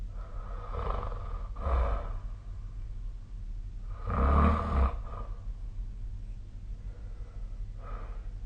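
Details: Snoring during sleep, likely recorded with the SnoreLab app: low, rough rumbling bursts recurring every few seconds.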